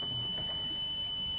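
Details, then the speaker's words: Tinnitus-matching tone played during audiometry for a man with tinnitus: a steady high-pitched pure tone; his audiogram shows a high-frequency deficit in both ears attributed to noise trauma, matching the tinnitus frequency. "l'audiogramme permet aux médecins de déterminer à quelle fréquence se situe l'acouphène et surtout à quoi ressemble ce bruit que personne entend"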